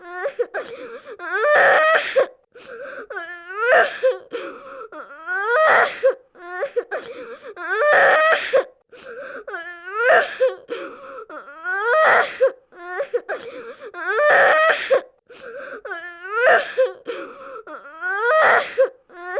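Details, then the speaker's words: Repeated sobbing and wailing from a 5-year-old boy, improperly restrained in a high-speed car crash, alert with right-sided head hematoma, heart rate 140, cervical spine immobilized; acted simulation of severe pediatric head injury; child crying. "he is alert and crying but has a hematoma on the right side of his head"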